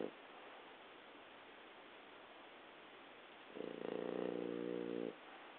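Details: Adult French Bulldog sleeping, giving a single buzzing, low-pitched snore (stertor); the snoring was very loud as a puppy but softened with age to a quieter sleep breath.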